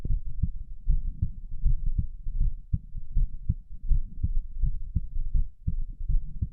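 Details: Steady low thumping heartbeat at about 80 beats a minute, recorded during sit-ups (abdominal exercises) and not greatly sped up: normal heart sounds.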